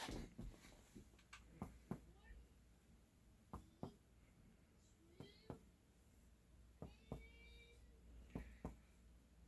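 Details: Resonant percussion note (normal lung).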